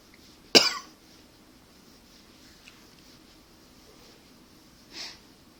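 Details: One hard, explosive voluntary cough, then a fainter second cough a few seconds later in a quiet room; requested hard coughing.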